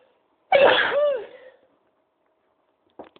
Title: high pitched sneezes